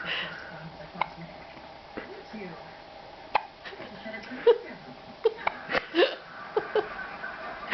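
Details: Hiccups in a seven-day-old baby boy: small, soft, repeated hiccups, some quick and some spaced apart, with an adult cooing and room noise.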